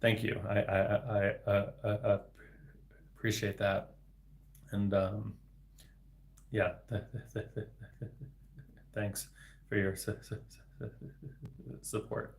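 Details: Adult male speech-language pathologist who stutters, onset around age eight to nine in third grade; reading a viewer's message aloud on a livestream, with repetitions of sounds and words; stuttering.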